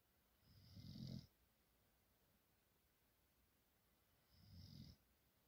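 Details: Male animal snoring in sleep after a long, tiring day: two soft, low rumbling snores with a faint whistle about three seconds apart; he sometimes howls in his sleep.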